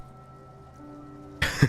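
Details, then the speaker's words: Short, harsh double cough burst from an adult who is sick, with faint background music. "Sorry for coughing. Whenever I lose my voice, I sound like a teenage boy going through his puberty."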